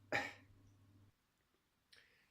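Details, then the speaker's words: An adult with a cold, who reports wheezing and sniffing, gives a single sharp cough, then a brief low voiced grunt and a faint breathy exhalation about a second later. "so I caught a cold sitting on my ass inside with the heater on at 22"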